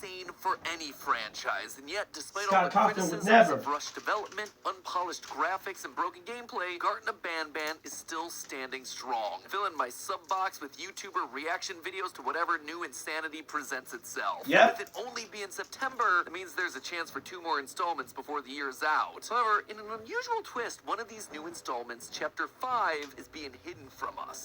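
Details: Adult narrator; normal voice.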